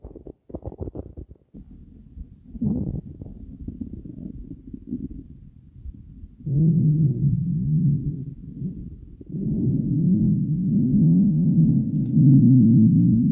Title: Stomach Growling